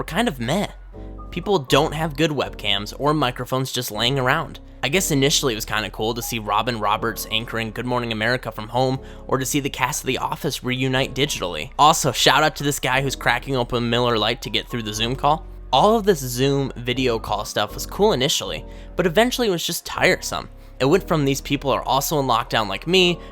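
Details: Adult man speaking; normal speech.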